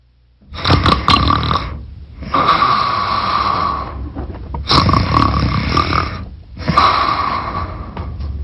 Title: Snoring wife - funny commercial